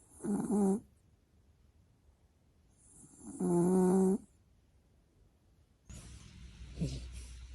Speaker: are some cute dogs snoring.